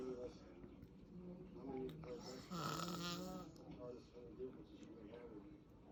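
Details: Adult man, the filmer's dad, asleep: rough, rattling snoring with irregular croaking and snorting sounds, in a quiet room.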